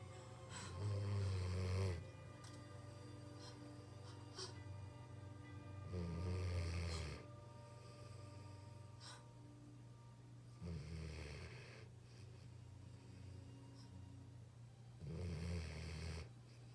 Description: Puppy snoring another day